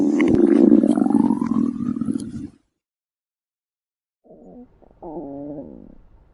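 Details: A long low rumbling gurgle with a rising tone, then a pause and shorter creaking gurgles from a hungry person's stomach: stomach growling (borborygmi).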